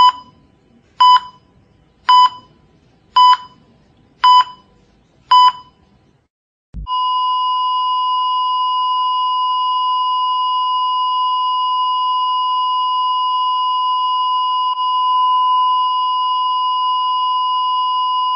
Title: heart devices sound effect